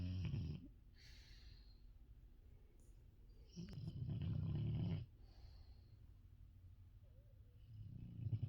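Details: Female dog snoring in sleep, recorded close up next to the owner's ears: low, soft rumbling snores with quiet breathing between them.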